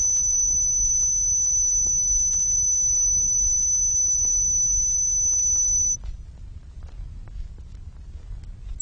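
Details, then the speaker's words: Synthesized tinnitus simulation made with an electronic music synthesizer (Royal National Institute for the Deaf research, 1970s record), representing sounds patients with moderate to very loud tinnitus hear continually inside the head: tinnitus simulation. "some examples are presented on this tape and and they are fair representations of what the individual hears continually inside his or her head"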